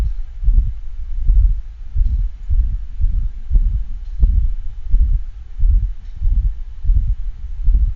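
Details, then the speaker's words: Two-year-old intact male pit bull with exercise-associated syncopal episodes: heartbeat near 86/min with loud crescendo-decrescendo ejection systolic murmur, loudest at left heart base over pulmonic valve, radiating widely; pulmonic stenosis. "this is the dog with pulmonic stenosis it has an ejection quality systolic murmur a crescendo de crescendo murmur which is usually heard loudest at the left heart at the base over the p location or the pulmonic valve location"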